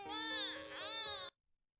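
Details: A single brief, high-pitched wailing newborn cry of a small baby delivered vaginally after an unknown pregnancy, from an acted birth reenactment.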